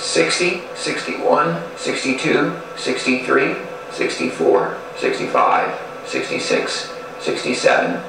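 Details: Adult man diagnosed with spasmodic dysphonia and muscle tension dysphonia by three voice clinics, counting aloud during a voice rehabilitation session; spasmodic dysphonia.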